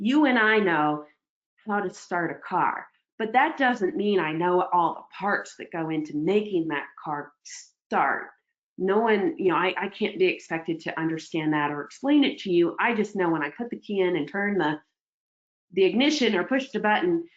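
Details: Adult woman speaking; normal speech.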